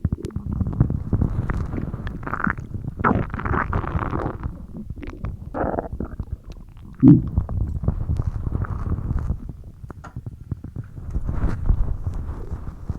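Continuous low gurgling and rumbling from the belly, ordinary stomach growling from gas and fluid moving through the gut.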